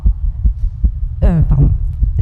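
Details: Female heartbeat, described as fast and skipping: rapid low thumps at about 150 a minute with an irregular skipping rhythm, and a brief voice sound intruding; a fast irregular heartbeat.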